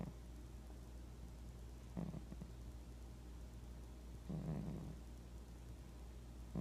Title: Cat Snoring